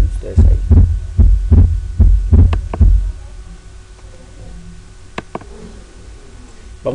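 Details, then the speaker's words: Normal heart auscultation: regular low heart sounds about 79 a minute, with a short, higher-pitched second sound heard nearly split. "Vamos a escucharlo casi desdoblado, como lo oyen"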